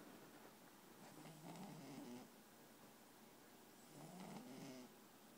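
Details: Two soft, rattling snores about three seconds apart from a sleeping female pet, with a faint airy rasp on each breath: snoring.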